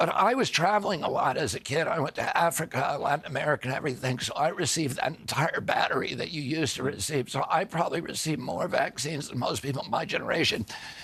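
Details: Adult man with spasmodic dysphonia, which he calls spasmodic dystonia: a neurological disorder, not a tissue injury, with signals making his vocal cords tighten constantly. Onset at age 42 after a 1996 injury; surgery in Kyoto about eight months earlier; now using alternative therapies.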